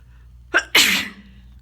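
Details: Single loud, explosive hissing sneeze after a short in-breath, in someone with a bad head cold who is sneezing and blowing their nose all day.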